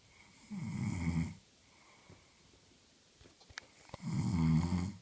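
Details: Two loud, low rattling snores separated by a quiet pause with small rustling sounds, from a woman who fell asleep while reading; ordinary snoring.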